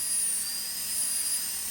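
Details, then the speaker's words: Demonstration on a typodont model: steady high-pitched whine of a high-speed dental handpiece during occlusal reduction (about 1–1.5 mm) of the tooth for stainless steel crown preparation. "For example, if you are treating a patient with a deep bite, you might require little more occlusal reduction to fit the SS crown."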